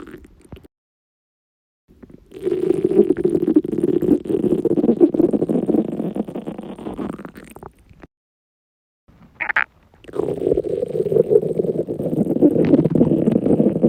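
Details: Stomach rumbling after a 48-hour fast: long, low gurgling rumbles in two stretches; normal borborygmi during prolonged fasting.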